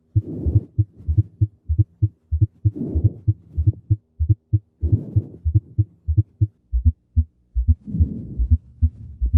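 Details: Fourth heart sound (S4 gallop) on cardiac auscultation, presented as a heart-sound recognition exercise.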